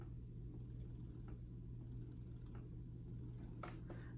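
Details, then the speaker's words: A Spectra S2 electric breast pump running: a quiet, steady low hum with soft vibration and faint intermittent clicks, described as low noise, quieter than most pumps; breast pump motor noise. "when compared to most pumps that's not that loud at all um it has kind of like a vibration like a low noise um"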